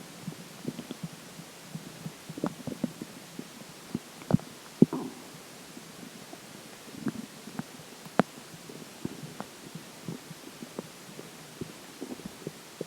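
Faint, irregular low gurgles and clicks over quiet background noise, typical of normal bowel sounds from a gurgling stomach.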